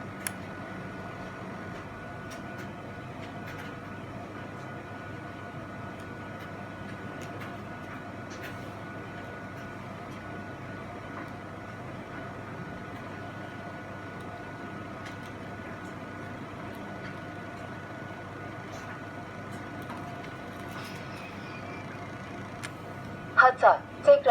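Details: An automatic blood pressure monitor inflates its cuff with a steady motor hum and a brief sound at the end, after its voice prompt asks the person not to talk or move; a later attempt reads 82/41.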